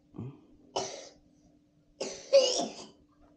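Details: Sick child with a cough, medicine being bought: three short coughs in a quiet room.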